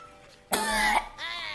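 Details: A sudden strained half-second gagging heave with a rough voiced retch, then a strained vocal sound, faint music behind, as a family member tastes stirred natto in a family challenge; gagging.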